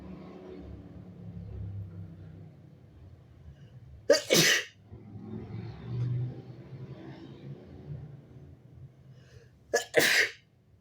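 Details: Strong, wet, messy, partly stifled sneezes: two forceful sneezes about six seconds apart over a low traffic-like rumble, with sweating mentioned.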